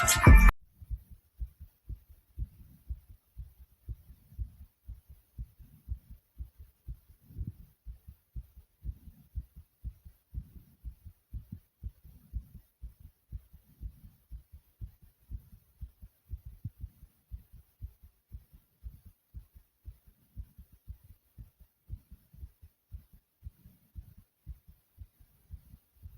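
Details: Heartbeat recorded after running in place: fast, steady, low, pounding thumps; rapid heartbeat after exercise.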